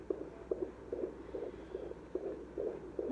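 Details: Fetal heartbeat checked at home with a fetal Doppler during pregnancy: rapid, regular whooshing pulses, about 145 a minute; normal fetal heartbeat on Doppler.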